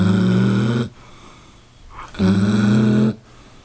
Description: Caught my lazy dog snoring so loud!